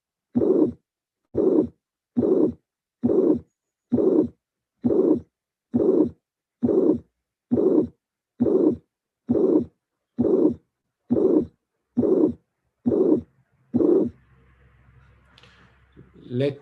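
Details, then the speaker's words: Teaching recording of mitral regurgitation: three normal beats, then a soft systolic murmur appears between the first and second sounds, with clear diastole. "I can anticipate that the murmur is a systolic murmur of course because this is the first sound and this is the second sound"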